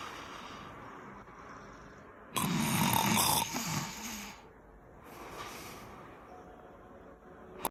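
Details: Female Staffy dog snoring after a bath: one loud, harsh snorting breath followed by a softer one, over quiet room noise.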